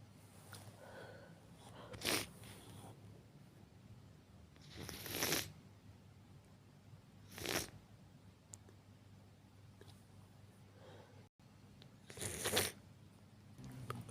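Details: Four separate hissing bursts a few seconds apart against steady room noise; repeated sneezes.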